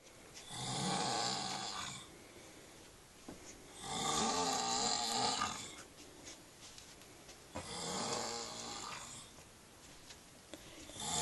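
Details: Adult snoring with three long, harsh, fluttering snores at about 17 a minute, with quiet pauses between breaths; snoring.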